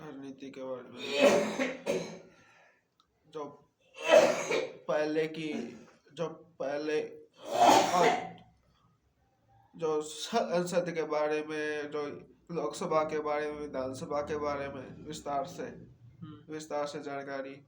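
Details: Stuttering in a young Hindi-speaking man, recorded on his first day of therapy. It began after childhood and has increased over time. He self-rates it at about 50–60% and gets stuck when nervous in front of strangers.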